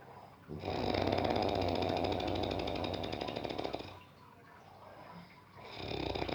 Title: DEEP SLEEP SNORING SOUND PART 2 #AMAZING